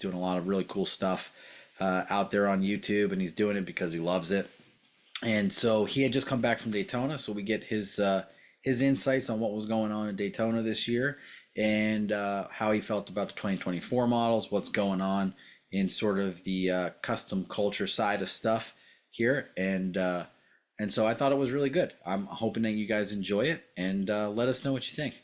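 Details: Adult man speaking; ordinary speech.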